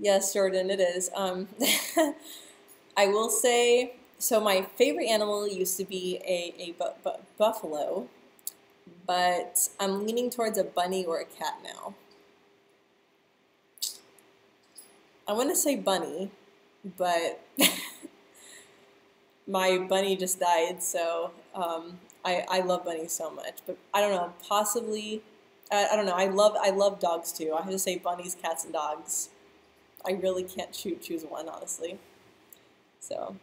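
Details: Adult woman who stutters, speaking live; part-word and word repetitions are audible; stuttering.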